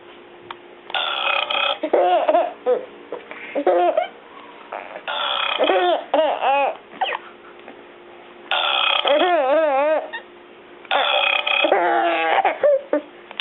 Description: Baby burping laughing & giggling.